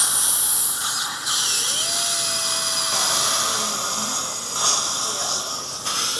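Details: Dental drill with a steady high-pitched whine and brief pitch changes during site preparation for a 2.5 by 13 mm mini dental implant, in a small room during live surgery.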